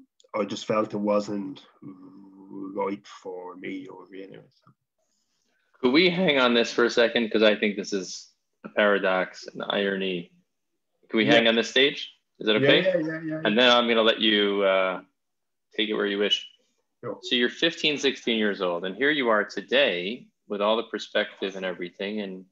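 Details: Adult male speakers in conversation; ordinary speech.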